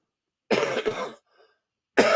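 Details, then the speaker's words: Adult with a throat tickle gives two short, harsh, dry unproductive coughs, like throat irritation; dry cough. "Oh, excuse me. I have a tickle in my throat that don't want to come out. Y'all hear that dry cough? It don't want to move, but okay."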